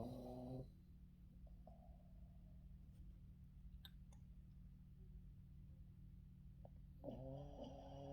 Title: Yoda afternoon sleeping with dad and funny snoring [Life of a Boston terrier]